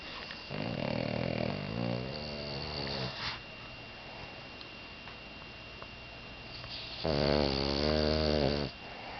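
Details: Boston Terrier snoring in sleep: two long, rattling snores separated by a quiet pause.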